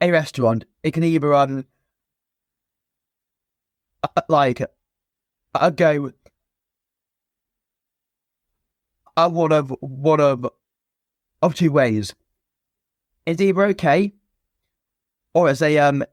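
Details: Stuttering (stammer) present since a young age in an adult man, a former soldier, in spontaneous conversational speech with repetitions and blocks.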